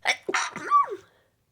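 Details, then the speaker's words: Young woman, who says she is getting sick from cold weather, gives a single ordinary sneeze: quick indrawn breath, one sharp voiced burst trailing into a brief falling cry. "this sneeze I'm getting sick that's what it is from the cold weather I'm getting pneumonia"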